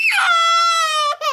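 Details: Young child crying: a single long, high, steady-pitched wail, followed by a short gasp and the start of another; ordinary crying.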